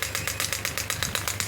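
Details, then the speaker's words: Pneumatic (air-compression) radial extracorporeal shockwave therapy device, heavy-duty model, hand-held probe firing at energy raised from 3 bar to a high value: rapid, regular sharp snapping pulses, about eight a second; counter runs to 2500 shots. "I have to uh start the same from pressing this button you can see I'm getting the shock W you can see the movement of my hand"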